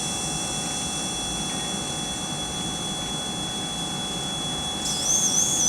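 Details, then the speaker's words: Woodpecker ES5 electric veterinary dental machine, contra-angle high-speed handpiece at max 205,000 rpm with light, atomization and 20% distilled water spray: steady hiss and whirring with a thin high whine rising near the end. "Okay, so that's the high-speed handpiece, which is probably one of the main functions."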